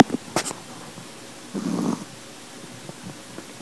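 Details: Chihuahua with a full belly after a hard day gives a short, rattling snore on the in-breath after a couple of snuffles, then quiet breathing; snoring.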